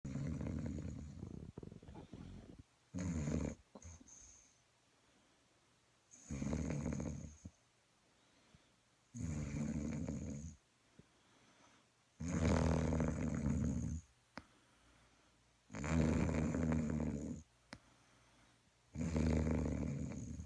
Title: #snoring